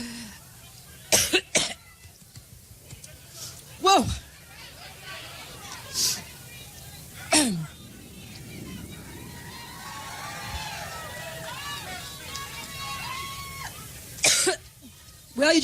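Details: Adult woman giving a Labor Day campaign speech in Cleveland has a coughing fit: about six coughs over fifteen seconds with crowd noise and cheering between; she jokes about being allergic, later attributed to seasonal allergies.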